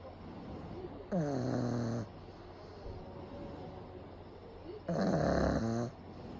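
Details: A pug napping in the daytime with eyes rolled back, recorded close up: two loud, rattling snores on the in-breath with quiet breathing between them.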